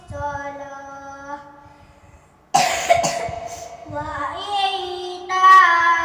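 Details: A hafiz reciting the Quran during tadarus: the sung recitation is broken by a short burst of coughing, then resumes.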